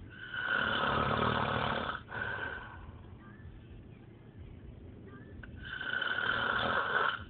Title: Fat guy snoring